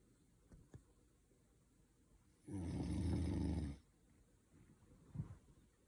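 One loud, low, rattling snore lasting about a second, with quiet room noise and faint clicks around it.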